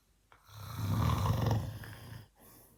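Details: An adult man (a father) recorded while asleep: one loud, rough, low rattling snore on an in-breath, lasting about two seconds; snoring.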